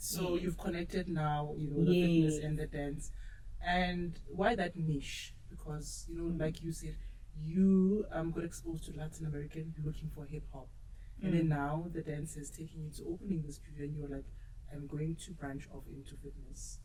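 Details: Adult speaker; normal speech.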